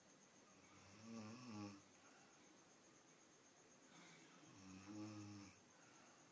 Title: My grand mother snoring India